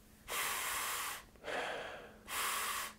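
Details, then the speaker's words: Adult whose nose skin collapses inward on hard inhalation, making nasal breathing hard, inhales loudly and freely through the nose with nasal dilator vents inserted; airy flow with no whistling or snorting obstruction. "I'm going to demonstrate these guys here the vents if I put them into my nose just like that I'll Jam them up there just watch I'm going to inhale you might be able to hear the difference"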